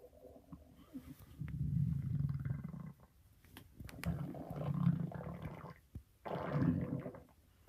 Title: Stomach growling for 2017